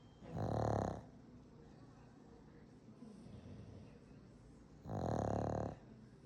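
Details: Exhausted pug Franky gives two loud, rough snoring breaths about four seconds apart, with faint breathing noise between; another pug, Tony, also snores in the background.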